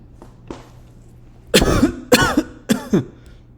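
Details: Deliberately produced cough used to test a cough detection app, detected successfully: three loud, voiced cough bursts in quick succession, each with a brief rough tail, in a quiet room.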